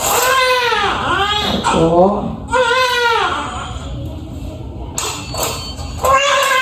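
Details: Repeated loud, rising-and-falling wails with faint room talk and music behind; vigorous cry of a newborn baby boy just after normal vaginal delivery, nine years after the previous child.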